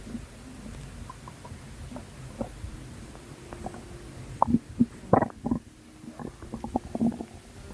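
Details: Abdominal gurgling from a postpartum mother's belly, recorded at 2 am; she links it to water weight: irregular bubbly gurgles and squelches over a soft background.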